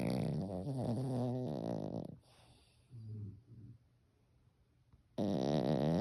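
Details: Loud, rattling snore breaths with a fluttering buzz and wet, gurgling sounds, separated by quiet pauses; wet/dry snoring.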